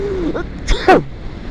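A short inward catch then one sharp explosive sneeze.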